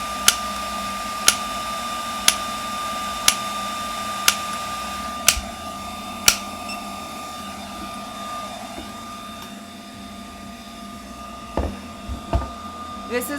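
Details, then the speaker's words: Extracorporeal shock wave therapy device (Shockwave Pro) on preset mode C, automatically counting impacts: sharp regular clicks about 60 a minute over a steady machine hum, then stopping. "see how it counts the pulse each time that it does it"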